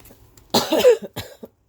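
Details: Adult recovering from illness, coughing while talking in a quiet room: a short burst of two or three slightly rough coughs.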